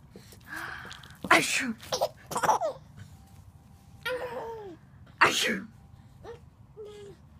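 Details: A couple of abrupt sneeze bursts mixed with laughter and squeals in a small room; ordinary sneezing.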